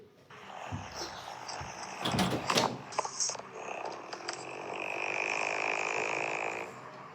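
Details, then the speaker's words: Adult man sleeping, said to snore especially lying on his back: loud, rough, rattling snore rising into a sustained buzzing flutter, likened to a scooter engine, over room noise; snoring. "तुम्हाला पण वाटतय ना ही scooter चालवल्याचा आवाज आहे पण हा scooter चालवल्याचा आवाज नाहीये >> ह्या माणसाच्या घोरण्याचा आवाज आहे."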